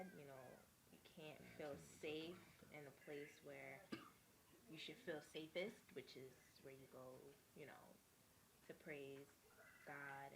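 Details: Adult speaker; ordinary speech.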